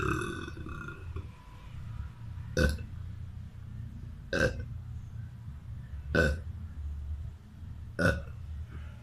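Four short, sharp belches at regular intervals about two seconds apart over low background hum.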